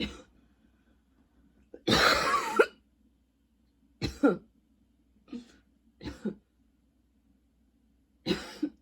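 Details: About six harsh coughs in spells over nine seconds, some throat-clearing, in a quiet room, in someone with long-lasting coughing spells and a lingering throat tickle: persistent cough.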